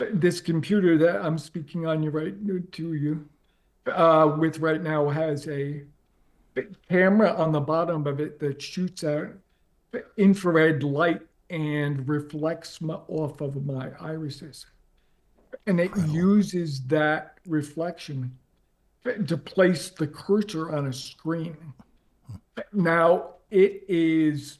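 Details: Adult man with ALS diagnosed four and a half years earlier and now near end stage; paralysis spread from right calf through legs, core, arms and hands to the neck; uses a ventilator to inflate his lungs to speak; difficulty speaking and breathing; dysarthria (ALS).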